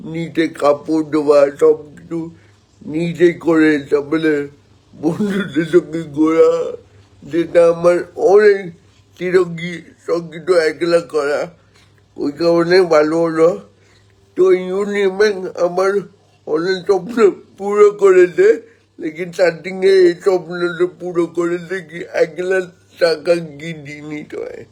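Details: Adult man born 1988 speaking Bengali, with spastic cerebral palsy from oxygen lack at birth, about 70% motor nerve damage affecting both hands and legs; dysarthria (cerebral palsy).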